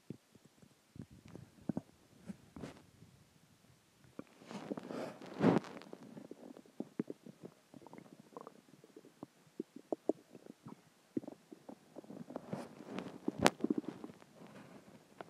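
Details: Stomach growling (borborygmi) after dinner and water, with gas: bubbling, gurgling rumbles and squeaks from the belly, coming and going in bursts.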